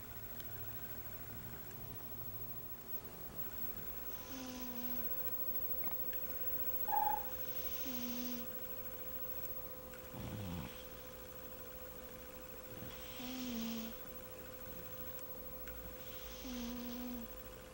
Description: Our cute cat Galaxy is snoring ^-^ awww